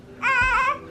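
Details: Newborn baby girl, about 2.65 kg, delivered after a fast labour with about 40 minutes of pushing: a single short, high-pitched wailing first cry just after birth, normal.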